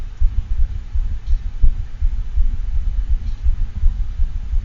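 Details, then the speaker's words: Six-month-old female Havanese with a very loud murmur heard best at the left heart base in the axillary region and bounding arterial pulses: fast heartbeat with a low continuous murmur through both sounds, patent ductus arteriosus. "this murmur might be a little bit harder to hear but this is a continuous murmur and it can be missed if you're not a sculpting closely enough"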